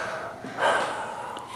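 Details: During a manual therapy session for the vlogger's lower back pain, amid remarks about pain and relief: a single sharp, breathy intake of air over quiet room noise, a gasp.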